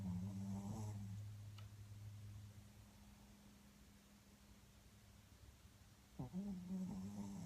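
Low, buzzing snore sounds from a sleeping dog, two breaths separated by a long quiet pause; ordinary snoring.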